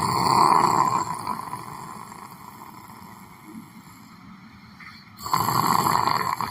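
Loud, harsh, buzzing snores separated by a quieter pause of several seconds, with room noise behind: snoring during sleep.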